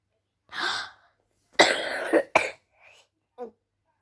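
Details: A child with a cough gives several short, harsh coughs in a quiet room, with a faint breath after.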